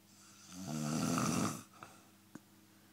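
One loud, buzzing snore on breathing in, followed by quiet; ordinary snoring.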